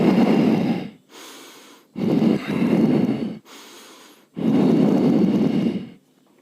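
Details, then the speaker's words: Simulated by a clinician imitating a child with severe small-airway obstruction, audible without stethoscope: labored breathing about 26 a minute with forced, prolonged, low-pitched noisy expiration; expiratory wheeze. "तो इसमें बच्चे को expiration में दिक्कत होगी। जैसे मैंने समझाया कि इंस्पिरेशन में तो एयर आ जाती है लेकिन एक्सपिरेशन के टाइम पे लंग्स एम्प्टी करने को पेशेंट को डिस्ट्रेस होता है, उसको ताकत लगती है, तो एक्सपिरेशन प्रोलॉन्ग हो जाता है।"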